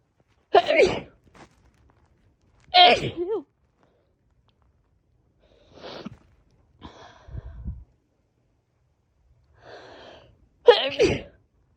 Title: Post stifle attempt (more powerful cold sneezing)